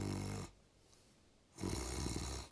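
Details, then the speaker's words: Adult sleep specialist imitating nasal snoring: two low, rattling, fluttering snore sounds from a vibrating nose, the kind typically heard when the nose is blocked. "코가 이렇게 드르륵 떨리면서 나는 이제 주로 이제 코가 막힐 때 나는 소리들이 이런 소리고요."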